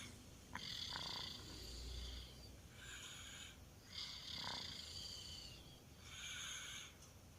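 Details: A 2-year-old child snoring in sleep: rhythmic, rattling, vibrating snores on each breath, about 17 breaths a minute, over steady room noise; childhood snoring.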